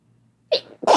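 A brief inward catch followed by a sharp, explosive sneeze burst; an ordinary sneeze.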